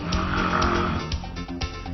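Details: Snoring of a middle-aged woman near menopause; examination found narrowing between the uvula and tongue base; snoring.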